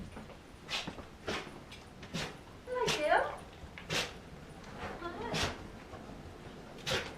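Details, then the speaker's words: A female dog excitement-sneezing when greeting on entering the room: a run of short, sharp sneezes with a brief whine. "she sneezes oh you take beautiful girl you're too beautiful"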